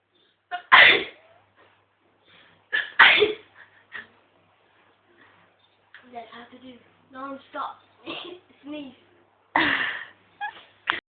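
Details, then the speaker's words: Demonstration of sneezing into a tissue: three sharp, explosive sneezes with light speech between them. "okay I'm showing you how to sneeze you use a tissue and you make like this this pointy now for the difficult part"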